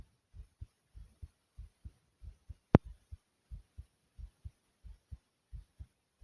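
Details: Regular paired lub-dub heart sounds at about 95 beats a minute, with one sharp click partway through; a steady normal heartbeat.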